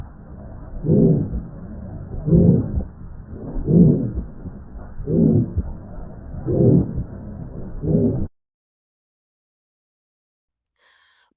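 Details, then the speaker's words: Teaching audio example of aortic stenosis: a slow heartbeat with a loud, harsh, rasping systolic murmur filling each beat. "You will hear a loud harsh systolic murmur. You can hear an example in this audio clip."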